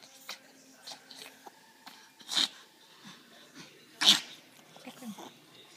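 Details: Dog coughing: two short, harsh, noisy bursts amid quieter snuffling sounds.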